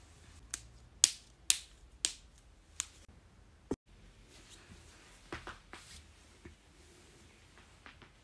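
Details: Knuckle cracking: a run of crisp, sharp pops in quick succession, then fainter ones, an ordinary harmless joint sound.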